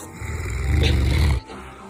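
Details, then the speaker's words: Sleeping pet dog snoring while the owner holds a gentle hand over its muzzle; one loud, deep, rattling snore lasting about a second, then quiet; dog snoring. "she places a gentle hand over her pups muzzle but nothing is going to stop massive snores like that sweet dreams puppy"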